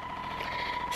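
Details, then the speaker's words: Cordless Monarch airway clearance vest vibrating in manual mode during treatment by a person with cystic fibrosis, who can walk around while wearing it. Steady mechanical buzzing hum. "i hit start and then it starts vibrating and so i can walk around and do whatever and i am getting a treatment at the same time"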